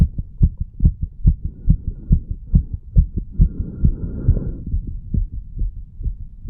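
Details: Normal heart sounds in a 35-year-old man after pull-ups and breath holds, recorded at the mitral and tricuspid areas: fast, regular lub-dub at roughly 140 beats a minute with brief rustling noise midway.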